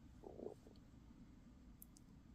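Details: An adult crafter filming a crochet tutorial: a brief low gurgling rumble, then faint bubbling in a quiet room. Ordinary stomach rumbling, normal bowel sounds.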